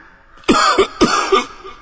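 Two short, harsh coughs, each a quick double burst, from an adult acting the cough in a quiet room.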